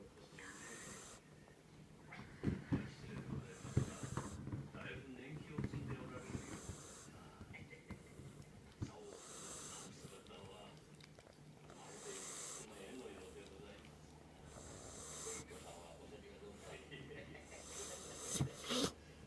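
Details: Female Jack Russell Terrier snoring with noisy, snorting breaths repeating roughly every two to three seconds over faint room noise.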